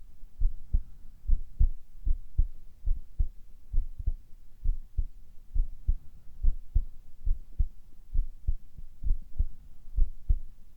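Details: Male ASMR with whispers and heart sounds: a regular low thumping heartbeat, about 68 beats a minute, in a quiet recording.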